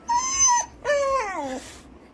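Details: German Shepherd frightened by firecracker and alarm sounds: two high tonal whines, the second sliding downward, whimpering signalling distress or anxiety.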